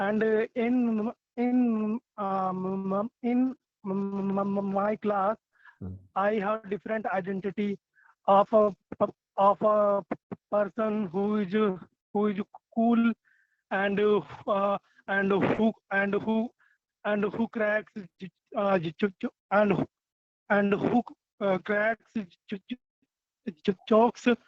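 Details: Adult male stammering-group participant with audible word and phrase repetitions; stuttering.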